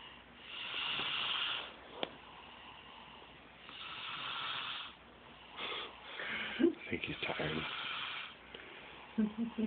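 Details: Worn-out person fast asleep: soft, hissing, rhythmic sleep breaths with a faint snoring rasp, about 20 a minute; quiet snoring.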